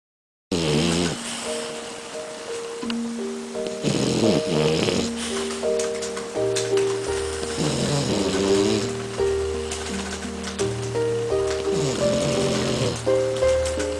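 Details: Boston terrier and French bulldog sleeping on a couch, one snoring extra loud: deep, rumbling snores under loud background music.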